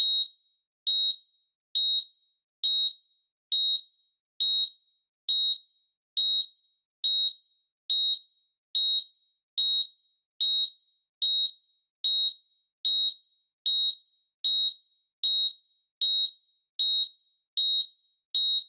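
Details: Heart monitor sound effect, not a real patient: steady high-pitched beeps at about 72 per minute with a regular rhythm.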